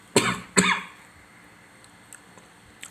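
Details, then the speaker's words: Adult man coughing during a recorded talk, apologizing for a cough he cannot hold back: two short, harsh coughs in quick succession, then quiet room noise. "ก็ต้องขอโทษนะครับอาจจะมีเสียงไอด้วยนะครับผมห้ามไม่อยู่นะครับพี่ต้องขอโทษด้วยนะครับ"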